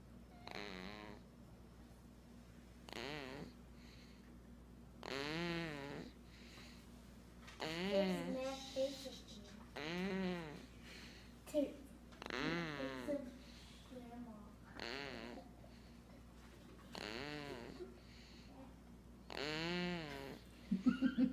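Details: Dog snoring in regular bursts of about 26 a minute, each with a rough, whistly, groaning tone.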